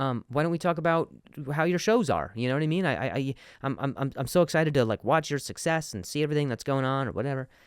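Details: Adult male who stutters, speaking in conversation with word and part-word repetitions; stuttering.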